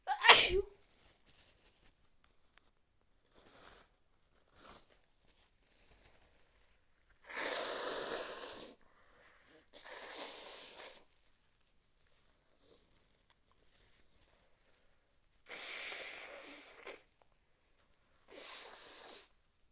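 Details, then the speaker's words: Repeated sneezing in a person with a cold: one sharp, loud sneeze followed by several softer, breathy sneezes in a quiet room. "Achoo. Achoo. Achoo. Achoo. Achoo. Achoo. Achoo. Achoo. Achoo. Achoo."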